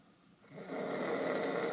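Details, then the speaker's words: Young woman on her 21st birthday snoring around noon, loud enough that walls vibrate, bear-like: a single loud, rough snore building on the in-breath. "Walls are vibrating. Michael, he sleeps quietly. I don't know how he sleeps through this. She's a bear."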